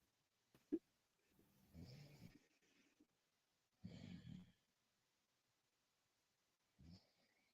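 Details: Repeated low, rough rumbling breath sounds every few seconds from a person who fell asleep; snoring during sleep.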